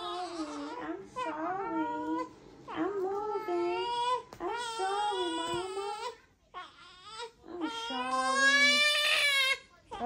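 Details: Repeated high-pitched wailing cries in short bursts with brief pauses for breath from a small baby girl born the day before, on her first day home while being changed and fed; an ordinary newborn cry.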